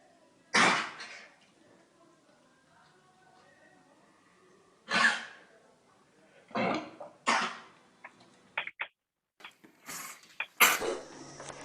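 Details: About six harsh coughs with throat-clearing sounds, spaced irregularly; a coughing patient presented in a veterinary teaching case asking whether the cause is cardiac or respiratory.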